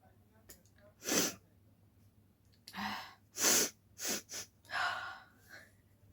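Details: Series of loud, sharp sneezes with quick inward breaths before each, deliberately triggered by tickling the nose with a folded paper strip in a sneezing challenge; four sneezes.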